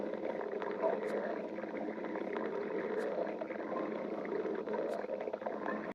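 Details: Stomach growling (borborygmi).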